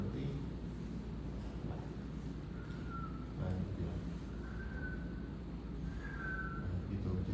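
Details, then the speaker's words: Three short, high, musical whistling tones over low room rumble, a vocal imitation of wheezing, described as musical with a definite pitch, unlike coarse crackles; imitated wheeze. "Kalau wiing itu suaranya musikal seperti"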